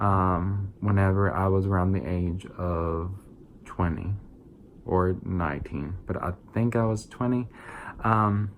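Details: 22-year-old adult with verbal apraxia, a neurological brain-to-mouth motor planning disorder without muscle weakness; diagnosed as childhood apraxia of speech when young, rediagnosed around age 20; about 8 years of speech therapy; speech sometimes mistaken for a southern, Scottish or German accent; apraxia of speech.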